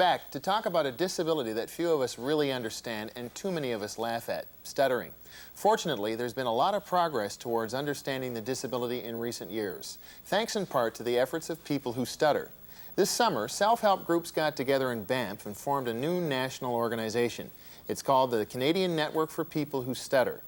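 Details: Adult male narrator; fluent speech.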